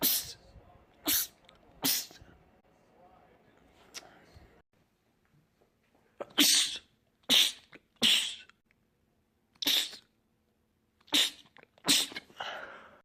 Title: Guys Rapid Sneezing Attack 4